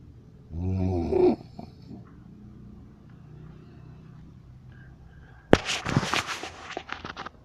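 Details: Man nicknamed the snore king: a single deep, rumbling snore, then quiet breathing and a burst of rustling; loud snoring.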